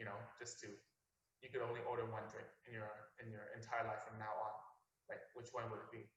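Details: Adult male speaker; typical speech.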